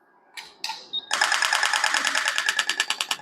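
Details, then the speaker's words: Radial shockwave therapy device (Thork) fired by foot pedal at the start of a practical treatment application on a patient's body region: a few clicks, then a rapid, steady train of sharp mechanical pulses. "Ou eu posso dar parou aqui ou pisando no pedal. Então, o pedal aqui tá mais fácil. Eu vou iniciar aqui a aplicação."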